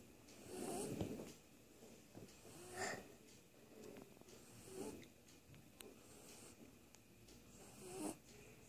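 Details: Baby snoring while asleep: soft, irregular snoring and snorting breaths, about 30 a minute.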